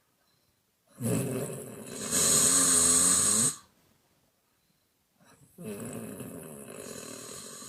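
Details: Woman snoring sound effect, exhale and mouth-blowing type: two loud, rough, fluttering snoring breaths with a pause between, harsh and buzzing with some whistling.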